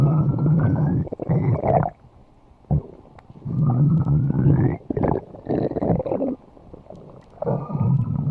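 Loud, long, low rumbling growls with rising gurgling tones, coming in waves; ordinary stomach growling from gas and fluid moving through the gut.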